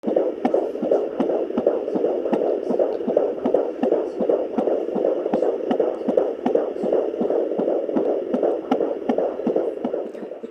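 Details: Fetal heartbeat at 19 weeks of pregnancy via Doppler: rapid, regular whooshing beats at about 158 a minute.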